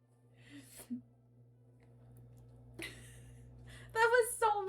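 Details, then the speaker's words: Many little kitty sneezes in quick succession from a cat during a live stream, followed by laughter; cat sneezing. "Did you guys hear that? That was so many sneezes."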